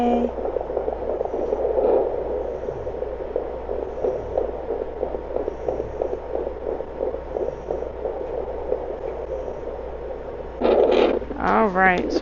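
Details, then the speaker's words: Fetal puppy heartbeat on Doppler in a pregnant solid black German Shepherd preparing for labor: rapid, regular whooshing beats, measured at 202–204 per minute, described as healthy; the puppy moves during recording. "You hear how fast that heartbeat is? Yeah? Oh, it moved."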